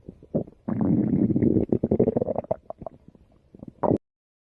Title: My Stomach Growls (2019 Video)